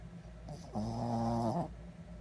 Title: Loudest dog's snore